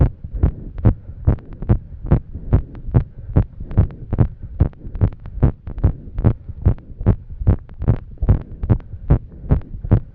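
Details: Woman after exercise with difficulty catching her breath: loud, rapid, thudding heartbeat near 145 per minute, slightly uneven spacing; fast irregular heartbeat.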